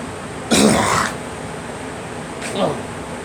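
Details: A girl gives one harsh, voiced cough, then a softer, shorter cough a couple of seconds later, over faint room noise: cough.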